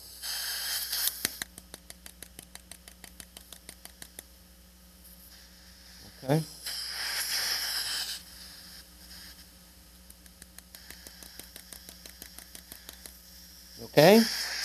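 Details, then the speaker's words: Live dental surgery, Bicon 6.0 x 5.7mm short implant with floor transport internal sinus lift in severely atrophic bone: flat osteotome tapping to mobilize bony window, sharp regular clicks about three a second with suction hiss bursts. "Now we'll take a flat osteotome and we start tapping to mobilize. Initially, all you'll have is a compression of the bony window."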